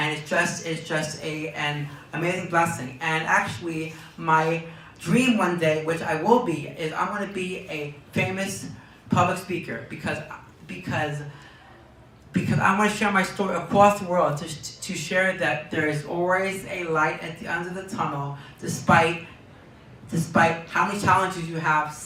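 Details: Young man diagnosed with Tourette syndrome at age four, who reports twitching and tics, with speech repetitions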